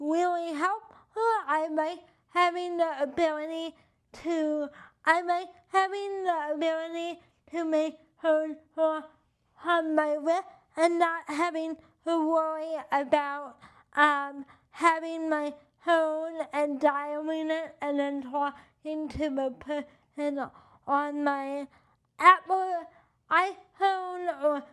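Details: Adult with cerebral palsy and limited hand function: dysarthria (cerebral palsy).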